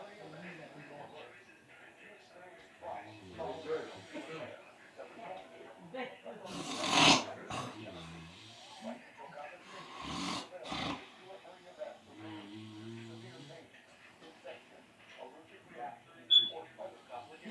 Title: The Amazing Snoring Brothers